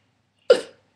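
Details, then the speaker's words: Vocal tic in a person with Tourette syndrome whose tics are reported as getting worse and more frequent despite medication taken that morning: a single abrupt, brief throaty vocal burst out of silence, a simple vocal tic. "it couldn't decide which one it wanted to do it was either going to do my fake sneeze here we go that one right on Q thank you very much"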